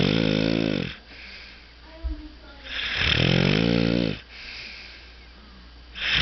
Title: Has a Snoring Problem